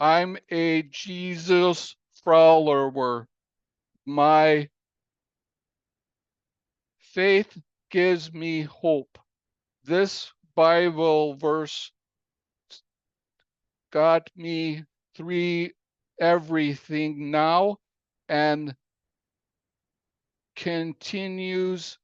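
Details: Aphasia following a stroke in April 2019 that came after a cardiac arrest, in an adult man telling his story with a story coach's support; aphasia.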